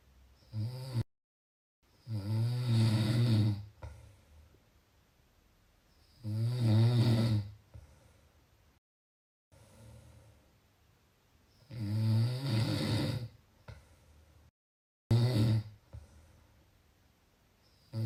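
Loud, rattling snores on each in-breath, about four in 18 seconds with quiet gaps between, roughly 13 breaths a minute.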